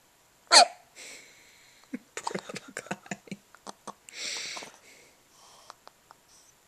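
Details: A boy with hiccups, just being woken: one sharp, loud hiccup, then a run of soft breathy sounds and faint clicks in a quiet room.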